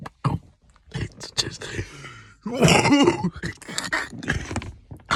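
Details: Man coughing up phlegm, sounding like a zombie: several harsh, heavy coughing bursts with throat clearing and groaning between them, indoors.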